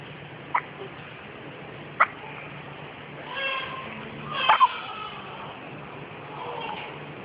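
Three short, sharp, abrupt sounds about every two seconds over steady room noise; hiccups.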